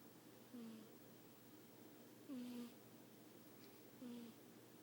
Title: 58 seconds of my cat snoring